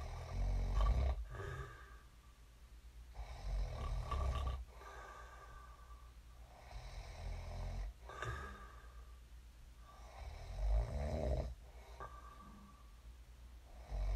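Deep, low rumbling snores from a sleeping man, about 18 breaths a minute, each inhaled snore followed by a quieter exhale.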